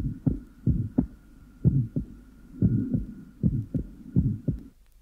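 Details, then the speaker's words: 7-year-old child with a normal heart, an innocent systolic murmur and sinus arrhythmia: S2 is clearly split during inspiration and single just after expiration, which is physiological splitting. "during inspiration the second heart sound is clearly reduplicated but appears single immediately after expiration"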